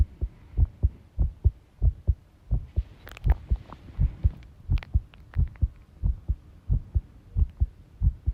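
Heartbeats at roughly 90 a minute with uneven spacing between beats, plus brief rattling noise in the background; an irregular heart rhythm.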